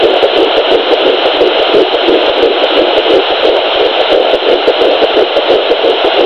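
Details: Fetal heartbeat at 8 weeks 3 days of pregnancy on a Sonoline B 3 MHz home Doppler: rapid, rhythmic whooshing pulses through steady Doppler static at about 170–180 beats per minute.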